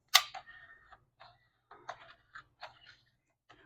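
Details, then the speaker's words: Training demonstration of a LifeFlow PLUS manual blood and fluid rapid infuser during initial priming with the handle pointed up: a sharp snap followed by brief, scattered plastic clicks and rattles as the handle is squeezed. "this is the only time we recommend a specific position for LIF flow during the initial priming to remove air most effectively point the handle up and begin squeezing the"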